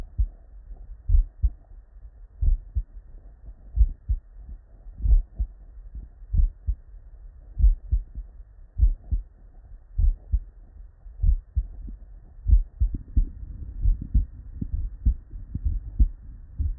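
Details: Real, unedited human heart sounds recorded at the bedside from a patient with normal cardiac physiology: regular paired low thumps, lub-dub, with quiet gaps; normal first and second heart sounds, no added sounds.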